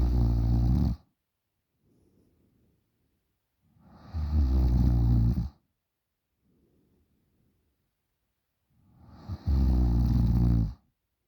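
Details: 20-year-old girl snoring loudly in sleep: loud rattling snores on each in-breath about every four to five seconds, with quiet out-breaths between; heavy snoring.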